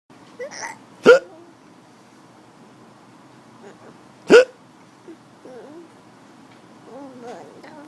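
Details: An adult and a child trading hiccups: two abrupt, loud hiccup gulps about three seconds apart, with soft voice sounds and room noise between.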